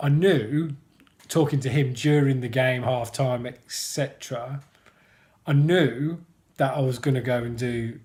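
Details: Adult man who stammers, mentioning blocking; stuttering (stammering)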